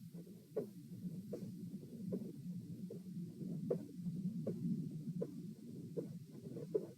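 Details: Heart sounds recorded from position P during a lie, sit, stand, lie stress test (72, 96, 108, 72 bpm): very quiet while lying supine, loud sitting, split S2. Quiet normal heart sounds, supine.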